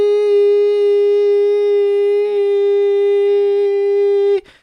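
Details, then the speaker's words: Simulated tinnitus in an animation about childhood ear problems: a steady, buzzy mid-pitched tone holds about four seconds then cuts off, like the long beeps heard every hour or two for years. "randomly every hour or two I would start to hear these very long ongoing Beeps in my head it kind of sounds like foreign"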